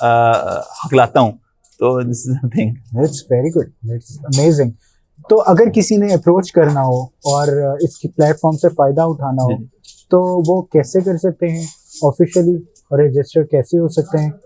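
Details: Adult male speaker; no speech disorder.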